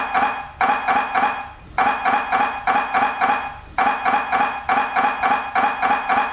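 Loud, rapid, metallic knocking in repeating bursts with brief pauses, typical of an MRI scanner running a sequence.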